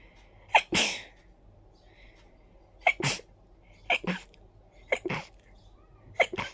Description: My nose felt very tickly and then a fit came along...